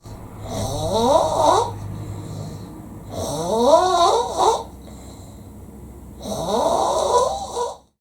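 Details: Loud snoring from a heavily drunk man, described as sounding like a siren; snoring.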